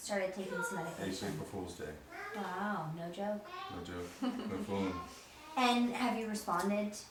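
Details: Adult speaker; normal speech.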